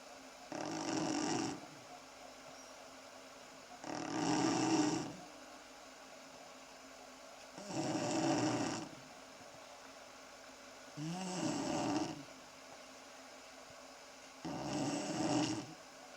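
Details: Four-year-old girl snoring loudly, described as like a pneumatic drill, recorded in early summer 2008: five regular, rattling snores over about 16 seconds, roughly 17 per minute, with steady room hiss.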